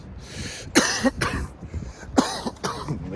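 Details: Four harsh, irritated coughs in two pairs after inhaling from a disposable vape, outdoors in cold light rain around 40°F; ordinary cough.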